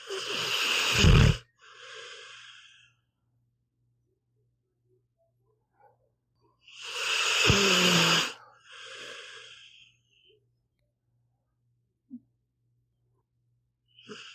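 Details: A sleeping pit bull dog snoring, from an hour-long recording: loud rattling snores on each breath in, softer breaths out, about nine breaths a minute.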